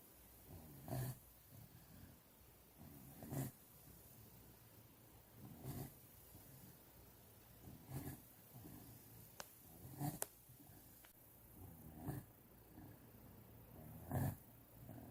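Soft, low, rattling noises recur about every two seconds in a quiet room, in time with breathing: light snoring.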